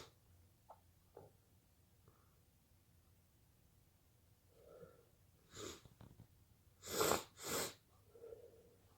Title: Itchy sneezes 🤧🤧🤧